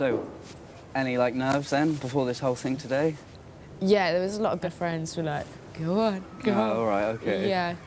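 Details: Adult speakers in conversation; normal speech.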